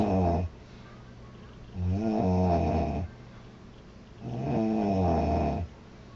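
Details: Loud, rough snores on the in-breath, about two in six seconds, with quiet gaps between; a girl snoring.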